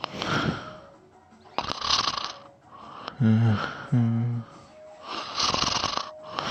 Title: Me snoring and sleep talking again ❤️